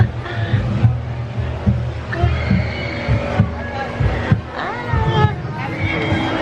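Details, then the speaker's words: Normal heartbeat from a museum heart exhibit: steady low thumps at about 71 a minute, partly masked by music and crowd noise. "we're gonna go through the heart you can hear the heart beating"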